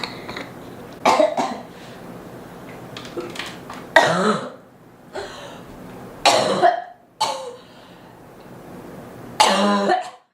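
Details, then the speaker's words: Four or five loud, harsh coughs spaced a few seconds apart from an adult who says she is really sick, with soft room noise between; cough. "oh I'm so sick I can't wait to lie down"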